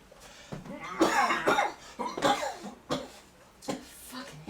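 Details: Several harsh, irregular cough bursts mixed with voice sounds, from a staged satire short film soundtrack; acted cough, not a real patient.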